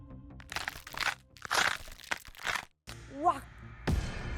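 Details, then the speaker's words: Coarse grinding crunches from the moving knee of an arthritis patient, over soft background music; knee crepitus from worn, roughened cartilage rubbing as the knee moves. ">> 소리는 [음악] 바로 관절염 환자 무릎에서 나는 관절 소리입니다."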